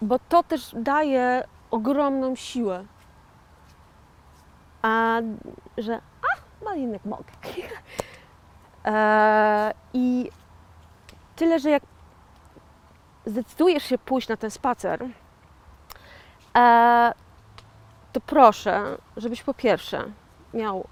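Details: Post-stroke aphasia in a 41-year-old woman, real (not acted), who had a stroke in 2009 and calls herself a stroke survivor and an "aphasian"; finding: aphasia after stroke.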